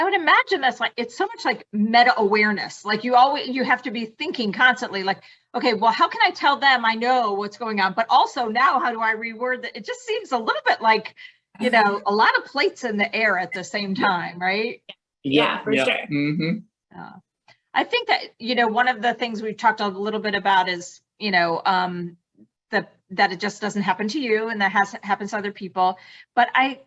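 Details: Adult female speaker, conversational speech; no speech disorder.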